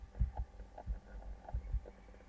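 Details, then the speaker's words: Normal heart sounds, regular low lub-dub at about 90 per minute with only S1 and S2 and no extra sounds, demonstrated in a physical examination teaching session. "Hai yang normal itu hanya S1 dan S2 yang kita kenal dengan huruf klub-klub itu adalah suara F1 Hidup itu adalah suara SS2"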